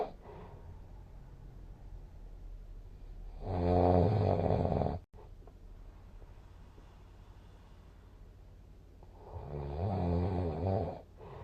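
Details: Two loud, rumbling, vibrating snores on breathing in, separated by quiet exhalation; typical snoring, posted with a snoring score of 166.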